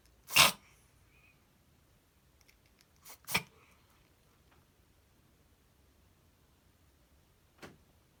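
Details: Cat with reverse sneezing: three brief, sharp, hissing snorts spaced seconds apart, first mistaken for coughing up a hairball; episodes occurred once or twice a week before treatment.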